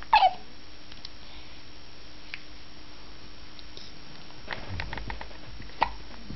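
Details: Hiccups: two short, sharp hiccup sounds, one at the start and one near the end, over quiet room noise.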